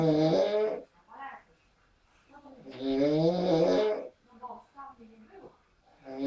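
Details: Adult man snoring in sleep after a party: loud, harsh snores on each breath in with quieter rough breathing between; heavy snoring.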